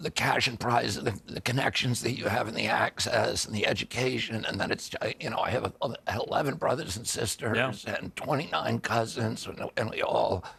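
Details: Adult man with spasmodic dysphonia (which he calls spasmodic dystonia), a neurological disorder that began after a 1996 injury at age 42 and makes his vocal cords tighten constantly; not a tissue injury; surgery in Kyoto about eight months earlier, now on alternative therapies.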